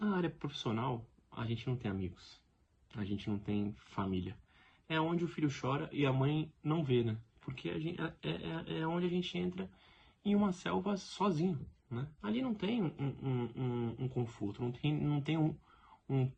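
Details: Adult man speaking Portuguese who lives with stuttering every day; finding: stuttering.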